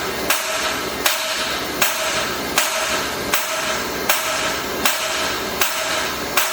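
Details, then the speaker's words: 11-month-old infant with pain and restlessness and an 11 mm kidney stone, treated by extracorporeal shock wave lithotripsy (ESWL) under general anesthesia: sharp, regular cracking pulses about 79 a minute over a steady background hiss. "Eee bu taş neticesinde Şok dalga tedavisiyle Eee taş kırma uyguladık hastamıza ve genel anestezi altında"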